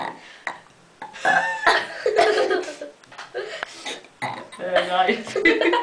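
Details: Burp contest between mother and daughter, several long loud voiced belches with brief talk and laughter between them in a small room; burping.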